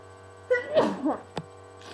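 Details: A single voiced sneeze muffled into a handkerchief, from a person with a cold, with a short click afterward over faint room hum; sneeze.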